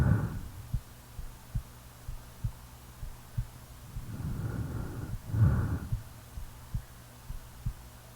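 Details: Real heartbeat recorded during sleep: steady soft low thumps under slow, rumbling snoring breaths.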